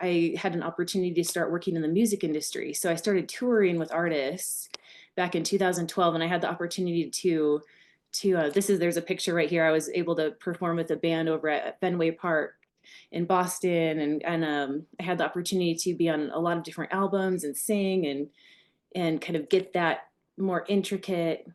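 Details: Adult woman speaking; Normal speech.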